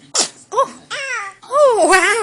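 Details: A 3½-month-old baby sneezes, said to prompt his first word: a short sharp small sneeze followed by high baby squeals or whimpers.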